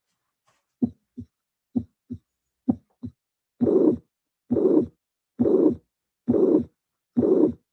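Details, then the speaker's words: Teaching recording with phonocardiogram: three normal beats, then a soft systolic murmur between first and second sounds appears, with diastole free of added sounds; mitral regurgitation. "I can anticipate that the murmur is a systolic murmur of course because this is the first sound and this is the second sound diast is without any kind of additional sound and the murmur will be soft as all the mutation"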